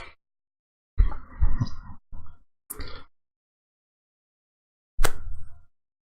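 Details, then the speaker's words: Soft, low rumbling bursts separated by quiet gaps in a quiet room: a cat snoring. "It's the cat snoring. That's what that noise was I heard earlier. I just realised the cat's in here."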